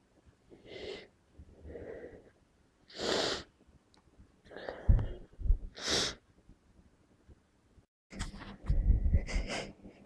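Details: Adult with a suspected bad cold sneezes several times in a row, each forceful unstifled sneeze preceded by a wheezy drawn-in breath; sneezing fit.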